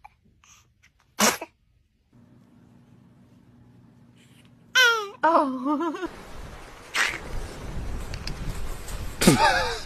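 A sudden sharp sneeze, then children's wavering vocal reactions and laughter amid room noise.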